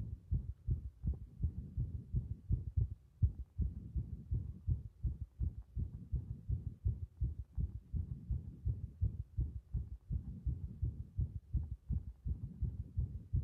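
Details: Heart sounds with arrhythmia: fast, muffled, low thumping heartbeat with uneven spacing between beats, giving an irregular rhythm.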